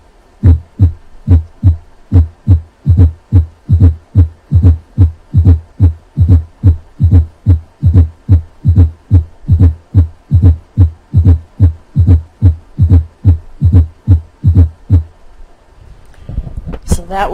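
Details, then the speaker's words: S4 gallop (fourth heart sound), a sign of a stiff non-compliant ventricle: regular low-pitched beat about 72/min with a soft extra late-diastolic sound just before S1, after three normal beats; heard with the bell applied lightly at the cardiac apex. "the fourth heart sound is an extra heart sound that occurs in late diastole just before the first sound it is low-pitched and requires the bell of the stethoscope to be applied lightly to the cardiac apex"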